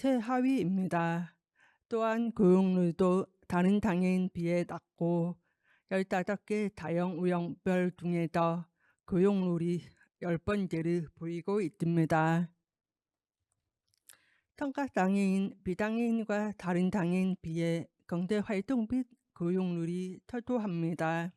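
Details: Deaf adult woman with a left-ear cochlear implant received two years ago, followed by speech-language therapy; she warns her pronunciation may be unclear; Deaf speech (cochlear implant user).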